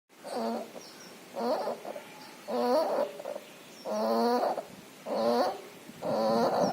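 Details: Puppy with pneumonia and distemper, with nasal discharge: loud, wet, rattling breaths with whistling, snuffly quality, about 50 a minute; noisy congested breathing.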